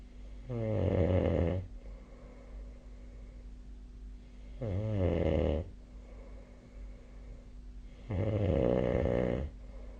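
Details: Snoring recorded with the SnoreLab app: three loud, rumbling snores on the in-breath, about 16 per minute, with quiet gaps between them.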